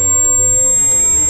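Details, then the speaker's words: Simulated tinnitus: a steady, piercing high-pitched ringing tone, the ringing sometimes heard in the ears. "এই আওয়াজ কিসের এবং কোথা থেকে আসে? এটিকে টিনিটাস বলা হয়।"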